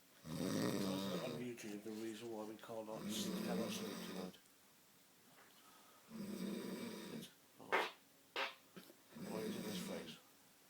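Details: Loud, rattling, low-pitched snores in long bursts separated by quiet pauses, with a few short sharp noises between, including a fart; snoring that kept others awake.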